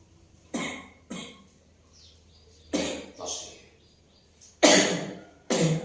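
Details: Several separate harsh coughs with quiet gaps from a woman receiving traditional massage for a cough that has not healed, said to have kept her awake all night; persistent cough.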